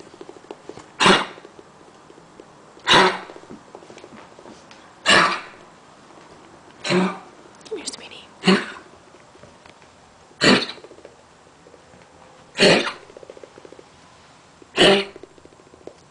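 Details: Older dog, later found to have lung cancer: about eight short, harsh coughs spaced roughly two seconds apart in a quiet room.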